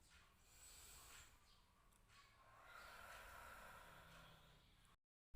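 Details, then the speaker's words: Demonstration of pursed-lip breathing by a nursing student: a slow, deep breath in, then a long, soft, hissing exhalation through pursed lips. "Disini saya akan mempraktekkan pursley breathing pertama-tama yaitu kita tarik nafas atau inspirasi secara mendalam kemudian kita melakukan eksperimen atau membuang nafasnya dengan posisi bibirnya menutup atau seperti orang bersyukur"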